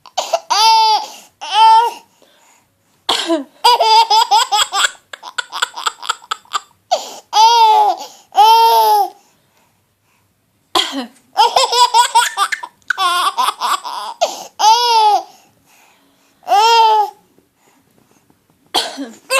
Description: My baby boy finding it hilarious when I coughed whilst feeding him his dinner.